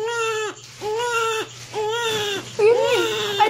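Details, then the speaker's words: Newborn baby, born December 13 after mother's blood pressure spiked and who stayed in NICU until December 17, giving four rhythmic strong cry bursts with brief pauses; caregivers say the baby is very hungry. "ano gutom na gutom w gutom na gutom ang baby"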